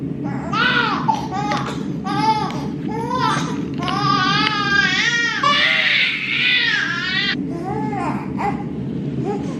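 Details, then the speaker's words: 3-month-old baby girl crying in the evening while mother pumps a bottle, screaming despite being held and offered a pacifier: repeated loud rising-and-falling wails with brief gasps between cries; infant crying. "or she just acts like that like even when we hold her try to put her pacifier in she'll still just like sometimes scream like that so oh"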